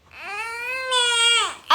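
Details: Newborn baby's cry: a single sustained high-pitched wail lasting over a second, rising then falling at the end.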